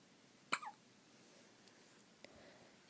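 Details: Single sharp, squeaky hiccup, like a little squeaky toy, then a faint second catch over quiet room noise: hiccups.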